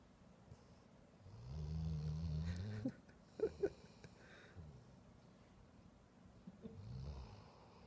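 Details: Low rattling snore on the in-breath with a quieter second snore seconds later; a dog asleep, described as a very loud snorer, snoring.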